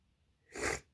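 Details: A single short, sharp, hissing sneeze after a brief intake of breath, from a woman who says she is cold and sitting under a blanket; she says the sneezes hurt.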